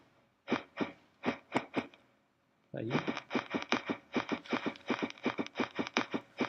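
Irregular heart sounds with an early extra beat and a short pause, then fast, persistent beating: an extrasystole followed by tachyarrhythmia.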